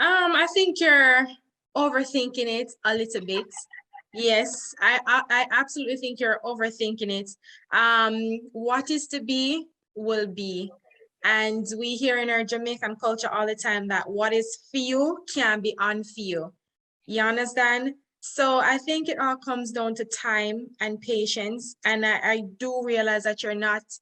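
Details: Adult woman speaking; normal speech.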